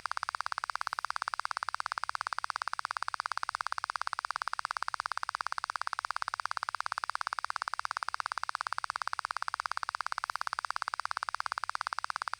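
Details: Rapid, perfectly steady train of sharp clicks at 90 dB, presented first to the right ear and then to the left, during auditory brainstem response (ABR) testing at a real Thai ear clinic; ABR click stimuli.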